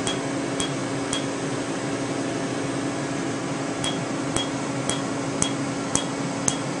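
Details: Sharp snapping clicks about two a second in short runs over steady machine hum: Q-switched Candela Tri-Vantage alexandrite laser (755 nm) pulses during tattoo removal after topical anesthetic cream.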